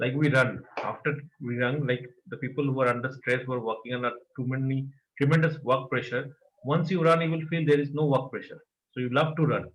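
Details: Adult man; typical speech.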